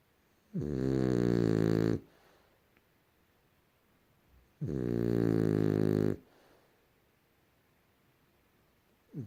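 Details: Rescued female French Bulldog, about 1.5 years old, napping: loud, rattling snores about 1.5 seconds each with long quiet gaps, roughly 15 a minute; snoring.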